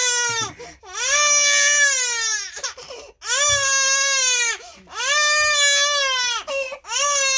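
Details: Baby crying around first roll-over: loud, sustained wails in long rhythmic bouts with brief gasping breaths between; ordinary fussing cry.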